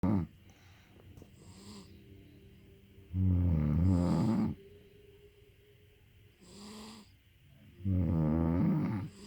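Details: Mother and baby snoring together during sleep: low, rumbling snores on each breath, about 13 a minute, with softer breath sounds between them.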